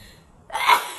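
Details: A brief quiet lead-in, then one sudden hissing burst of breath: a single sneeze deliberately provoked by tickling inside the nose with a matchstick, in a woman's nose sneezing challenge.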